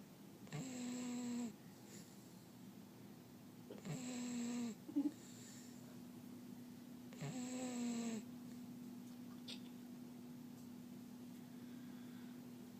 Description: Watch this 2 month old, deaf, great dane puppy snoring, and keeping one eye open to be sure Mama doesn't walk away!